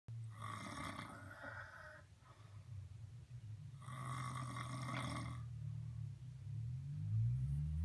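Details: Snoring 3 days after surgery: two long, rattling snores on the in-breath, separated by a quieter pause, with a low rumble continuing underneath.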